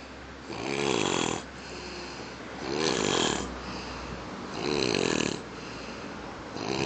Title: Bench snoring